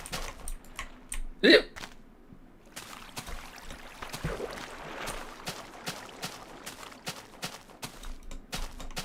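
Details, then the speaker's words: A single short, sharp voiced hiccup, described as a diaphragm twitch in a person who hiccups a lot, over steady keyboard typing in a quiet room. "No, that was just a hiccup. Don't worry about it. I have hiccups a lot. That's just the sound of my diaphragm having a twitch."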